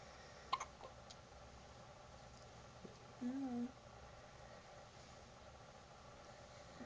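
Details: Infant hiccups: in a quiet room, a single sharp hiccup-like click, then later a brief soft infant vocal sound.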